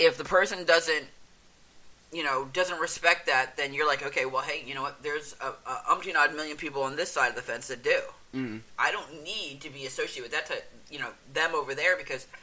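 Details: Adult male speaker in conversation; normal speech.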